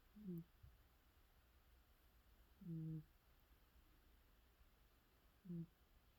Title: cat sleeping snoring sounds 😴